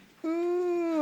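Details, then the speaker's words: Adult's imitation of the vocalization made by a person in sleep paralysis, who is trying to scream inside while stuck unable to move: a short, steady, wordless voiced hum or moan lasting under a second. "Vraiment quand il y a des personnes qui font une paralysie du sommeil, vous êtes à côté d'elle, vous la voyez juste comme ça et vous l'entendez faire"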